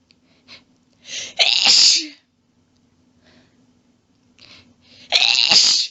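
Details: Female in a long fit of rapid sneezes: two loud, forceful sneezes, each preceded by catching inhalations; part of the sneezing fit, with some coughing from losing breath.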